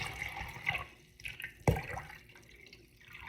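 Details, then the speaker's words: Quiet splashing and trickling as urine is poured from a bedpan into a milliliter measuring container, reading about 900 mL, in a demonstration of measuring and recording output; urine poured into a measuring container. "and this is our bad pan with our yarn in it"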